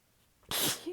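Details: One sudden hissing, partly held-back sneeze after a short quiet lead-in, from a prolonged sneezing fit; the sneezer was exhausted with sore abs and biting sneezes back, at times with the nose pinched or lying facedown.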